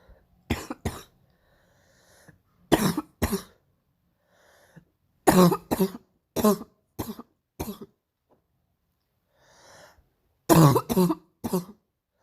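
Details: Painful morning cough: about twelve harsh, deep coughs in clusters of one to three, with quiet breaths between; a forceful coughing bout.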